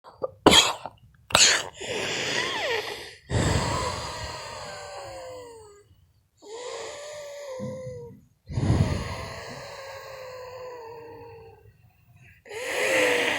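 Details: Long, musical whistling breaths with shifting pitch, preceded by two short sharp bursts, from a person with allergies: audible wheezing.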